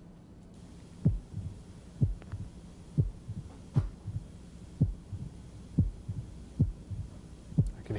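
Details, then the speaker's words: Man with a surgical scar, proximal muscle wasting and chest wall moving in during systole, heard at left lower sternal border then outward; heartbeat about 63/min with an early sharp pericardial knock, no apical murmur. "now you might say hey that sounds a lot like that mitral opening snip and it does sounds a lot like the opening snap of that moderate mitral valve stenosis but there's no murmur at the apex"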